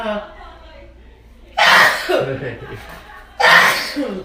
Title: Sneezing- Nose piercing - 재채기 -くしゃみ